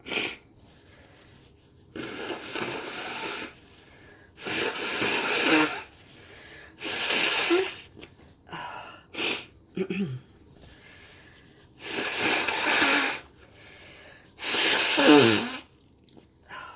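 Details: Person with a cold and a stuffy nose who cannot breathe: about six harsh, forceful, hissing sneezes in a row with brief breaths between.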